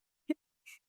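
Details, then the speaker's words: A quiet, brief voiced snort followed by a soft breathy hiss, a single snoring breath from a sleeping cat in the corner of a quiet room. "I do apologise if you can hear my cat snoring. He's in the corner. He looks very cute."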